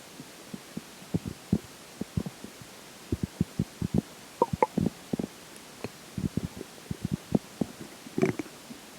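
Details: Stomach growling during digestion after pizza for breakfast and McDonald's for lunch: frequent short gurgles and bubbling pops from the belly; active bowel sounds.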